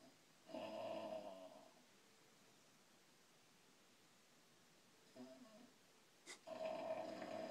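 A sleeping dog gives soft, tonal snoring sounds at intervals, separated by quiet pauses, in a quiet room; ordinary snoring.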